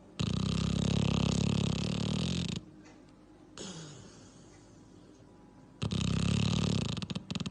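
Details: Sleeping dog: two loud, rough, rattling inhaled snores separated by quieter breathing; ordinary snoring.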